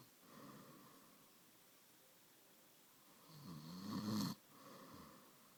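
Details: Snoring: soft breathing builds into one louder, rattling snore, then settles again, in a quiet room.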